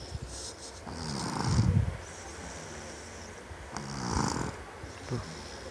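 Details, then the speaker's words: Young girl asleep, recorded by her father, snoring loudly: two low, rattling snores a few seconds apart over steady room noise. "Tuh, tuh dengerin tuh ngoroknya kuat. boboknya ngorok."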